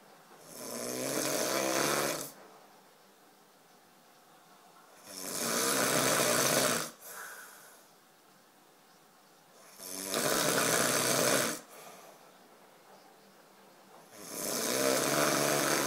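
Long, harsh, rasping snores on each breath in, about 13 a minute, with quiet breaths out between. Loud, regular snoring.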